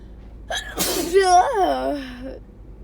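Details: Possible allergies or a cold, also a wet barking cough: quick inhale, then an explosive sneeze running into a drawn-out voiced cry while trying to talk through sneezes.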